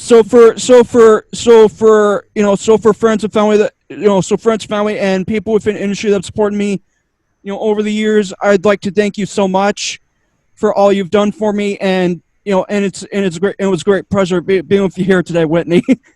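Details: Male podcaster with two diagnoses who says he stutters a lot, especially when unsure what to say, and attributes it to his other diagnosis; stuttering.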